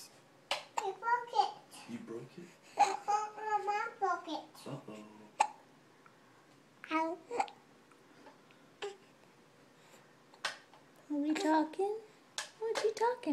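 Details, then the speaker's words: Infant hiccups: short, sharp hiccup bursts between coos and babbling while the baby holds its head up. "you got the hiups say yeah i got the hicups ooh they're annoying huh you don't like those hicups"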